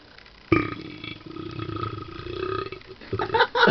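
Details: A person's single long, low, rumbling belch lasting about three seconds, followed by voices and loud, odd laughter; a burp.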